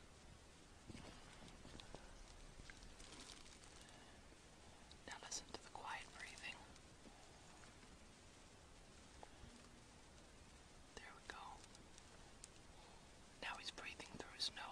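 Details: Soft, faint nasal breaths from a sleeping child, previously seen with repeated apneic breath-holding episodes, with no snoring or noisy mouth breathing after jaw repositioning: quiet nasal breathing.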